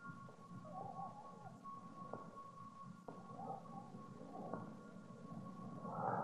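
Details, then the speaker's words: Very faint, soft breath sounds on lung auscultation in a teaching recording: pathologically diminished vesicular breathing, as heard with fluid collected in the pleural cavity. "патологическое ослабление. везикулярного дыхания. Наблюдается при скоплении жидкости плевральной"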